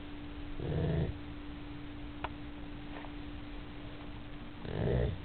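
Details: Dog asleep after a long day of playing: two slow, low, rumbling snores about four seconds apart over a steady background hum; ordinary snoring.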